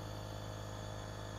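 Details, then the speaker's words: Steady low motor hum with a faint buzzing drone, ending in a brief louder burst: a repaired compressor nebulizer, filled with a little saline, switched on and tested as it produces mist. "Coloquei um pouquinho de soro ali. Liguei.... Tomar cuidado com a... ...com a hélice. E olhe aqui..... Já está...criando a névoa."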